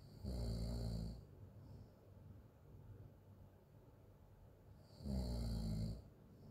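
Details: Loud, low rumbling open-mouth snoring on each breath in during sleep, with quieter breathing between.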